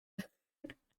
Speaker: My bad, I have hiccups and I'm trying to stop them as I speak. It's not going great.